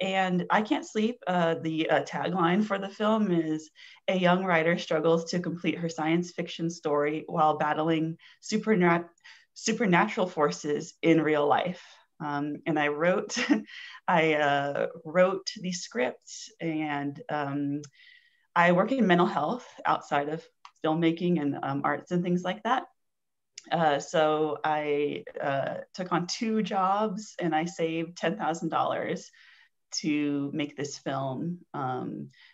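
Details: Stuttering in an adult woman, onset at age four; speech therapy in childhood, later avoidance reduction therapy; formerly covert stuttering.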